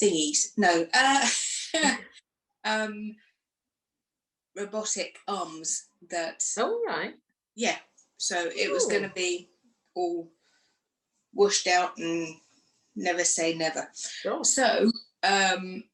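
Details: Aphasia in a woman after a stroke two days after a hysterectomy in 2018, aged 44, which left her unable to speak; now shows word-finding difficulty, fillers and restarts.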